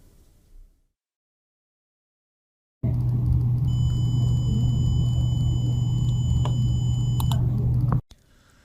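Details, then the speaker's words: Alarm from a photoplethysmography-based blood pressure sensor, with its hypertension threshold lowered for a demonstration: a loud, steady low buzzing alarm with a few high beeps for about five seconds, warning the user to seek medical attention. "you can see that when the second message appears the alarm system will sound and warn the user to seek medical attention"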